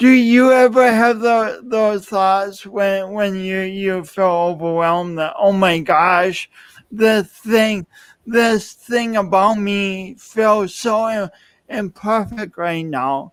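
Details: Adult male speaker; speech impediment.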